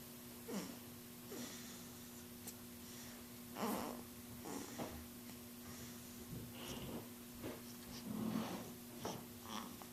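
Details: Recorded on a Flip Video camera; soft snorting breaths and brief snores repeat over a steady electrical hum in a small room; light snoring.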